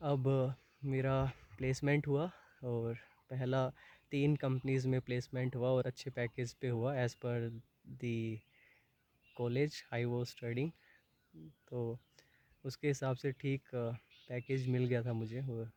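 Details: Young adult man who has stammered for about 20 years and had never disclosed it before, speaking Hindi and English; stuttering.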